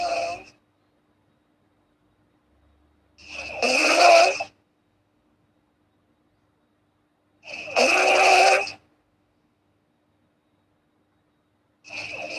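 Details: Loud rasping snores about every four seconds with silence between, from a girl during sleep; snoring.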